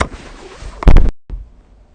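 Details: A single loud, low, rattling snore burst over faint low rumbling room noise, then a brief quiet gap; snoring recorded with the SnoreLab smartphone app.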